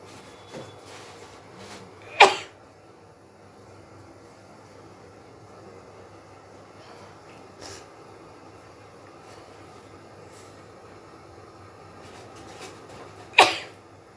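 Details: Sneezes deliberately provoked by chilli powder in a sneezing challenge: two loud, sharp sneezes about eleven seconds apart with softer sniffs and rustles between, over quiet room noise.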